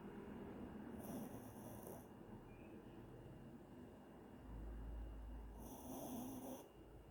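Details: Sleeping puppy giving faint, low snoring breaths with a steady hum in the background; snoring.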